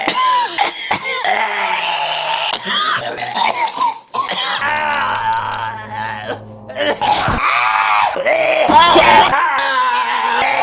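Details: Compilation of one man's coughs edited from many videos: harsh coughing bursts and throat clearing with music and voices mixed in; repeated coughing fits.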